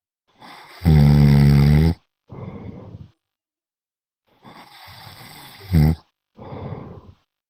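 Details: Person snoring during a VRChat session: loud, rough, rattling inhaled snores, each followed by a softer breathy exhale, in a quiet setting.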